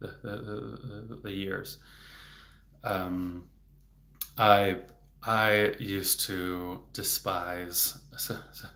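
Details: Adult man, a speech-language pathologist, who stutters; stuttering.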